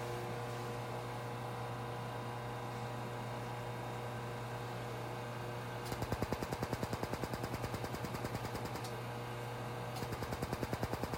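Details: Laser Genesis skin treatment under a woman's eyes for fine lines, with the patient wearing protective goggles: a steady device hum, then rapid regular ticking pulses about three per second in two runs as the laser fires.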